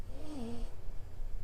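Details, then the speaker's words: Resting dog, about 75% pug, during a dog-yoga breathing session: brief low rumbling snore with a short, slightly whistling falling snort in the middle; snoring. "There's a lot of snoring, so you'll hear all sorts of interesting sounds throughout our series."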